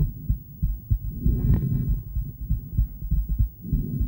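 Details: Female's heartbeat picked up with an ultrasonic Doppler device: rhythmic, whooshing low pulses at about 95 per minute.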